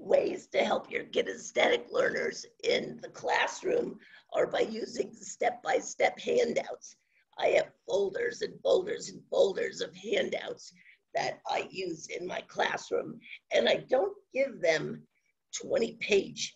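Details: Adult woman with spasmodic dysphonia, onset around 2010, progressively worsening, no cure; awaiting a Botox injection that was postponed; spasmodic dysphonia.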